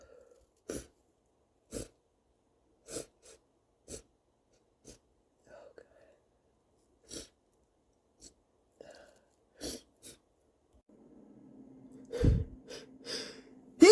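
A run of about a dozen short sneezes, many stifled and some fuller, with false starts between them; faint room hum near the end.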